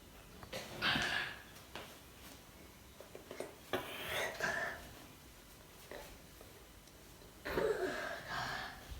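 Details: Irregular noisy breathing in a sleeping baby, about 18 a minute, with a whistling, snorting quality: baby snoring.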